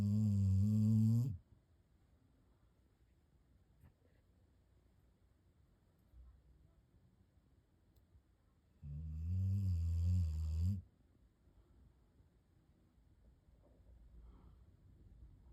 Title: Loud Snoring Pup! Funny & Adorable!